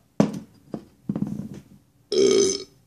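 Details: Man drinking a 30-year-old bottle of New Coke: several short gulps followed by one long, loud voiced belch after the fizzy drink; burping.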